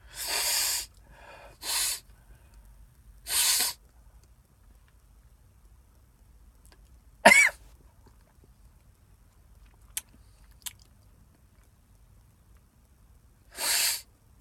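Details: Repeated sharp, hissing sneeze bursts with quiet gaps and clicks, triggered by sniffing cayenne pepper off a Q-tip; the person counts toward nine sneezes in a row, which clear the sinuses.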